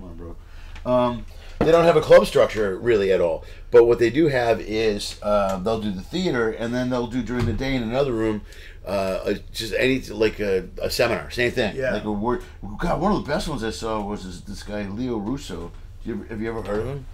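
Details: Adult man; Typical speech.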